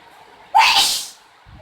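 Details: Mother sneezing after chickpea powder was used to induce it: a single loud, explosive sneeze with a brief voiced onset followed by a hissing rush of air; sneeze.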